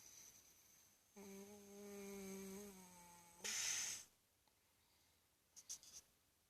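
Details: Adult man (the father) snoring: one long, buzzing, tonal snore on the in-breath, then a noisy out-breath with a whistling hiss; loud snoring.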